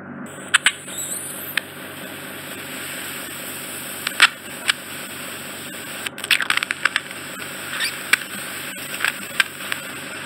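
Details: Bilateral microsuction ear wax removal, drawing wax off the eardrum: a steady high-pitched suction hiss with crackles and pops. The skin being suctioned is making the high-frequency squeal.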